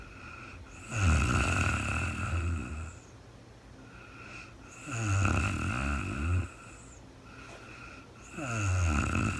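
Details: Adult woman snoring in real-time sleep: three loud, low, rattling snores on in-breaths, about sixteen a minute, with quiet gaps and faint steady room hum; ordinary snoring.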